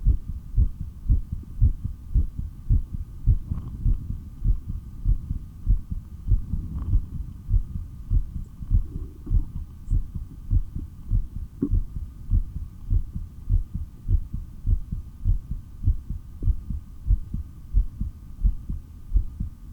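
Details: Person's own heartbeat through a stethoscope during a breathing exercise: an over-3-minute breath-hold, then 15 breaths in 17.5 minutes. Strong, regular pounding beats at about 100 per minute with a faint steady hum; normal heart sounds.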